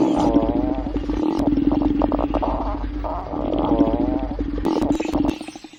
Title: Stomach growling audio